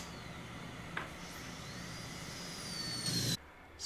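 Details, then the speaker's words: Dental handpiece cutting tooth #3 during an MO cast gold inlay preparation (Tucker technique, with buildup), refining the box: high-pitched drill whine that slows and drops in pitch as the bur cuts under load, then stops. "you could hear the hampi slow down in certain areas while we were doing this refinement and I think that's very important to do to control the handpiece and the burr"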